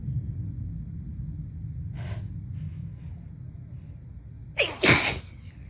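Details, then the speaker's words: Room noise, a brief inhaled catch, then a forceful double sneeze in a person on a third round of cold-like symptoms who is unsure whether it is allergies; sneezing during a cold. "I don't know what's going on. I do know that I am gonna fucking sneeze again."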